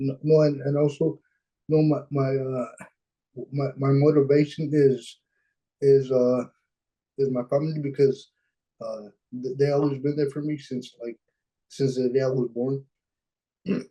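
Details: Dysarthria in a 26-year-old man with cerebral palsy; his speech is affected by the condition, which limits his expression, speaking on a webinar panel.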